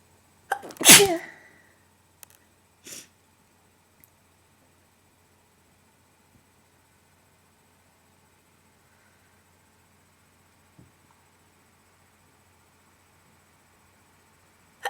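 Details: Induced wet sneezes: one loud, wet sneeze preceded by an inward gasp, then a quieter second burst and faint sniffs in a quiet room.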